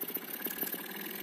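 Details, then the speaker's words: A G-Tech nebulizer compressor left on its factory 230 V switch setting instead of 127 V runs weakly. It gives a soft, uneven, low motor hum with faint rattling pulses and barely builds any pressure. "Aí vocês vêm aqui e ligam, ó o barulho, ó. Fraquinho, ó."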